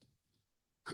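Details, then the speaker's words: A single sharp, sudden throat sound in a quiet room from an adult man with persistent hiccups after intubation for double hip replacement surgery, recorded at a rehab hospital: hiccup. "I still got really bad hiccups from the surgery, so it's fun. Sometimes I can talk really good for a while, and other times I can't talk at all."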